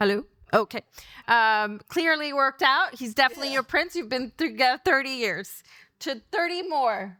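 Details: Adult woman speaking; typical speech.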